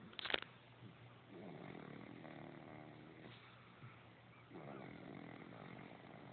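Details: Egwene snoring while asleep in her car seat: soft, rough, rhythmic sleep breathing over room noise.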